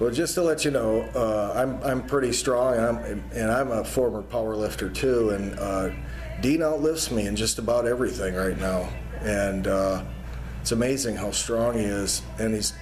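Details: Adult male speaker; Normal speech.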